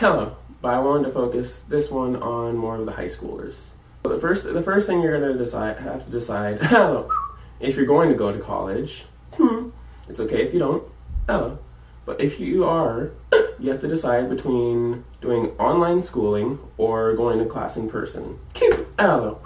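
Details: Tourette syndrome vocal tics in a college student and theater major, with repeated interjections such as 'Hello' interrupting speech.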